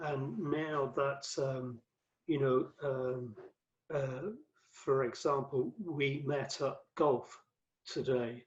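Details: Adult male with aphasia after a massive 2013 stroke that left him paralyzed; five strokes (2007–2015), cerebral amyloid angiopathy; mainly word fluency, worse when tired or stressed, with reading and writing difficulty; aphasia.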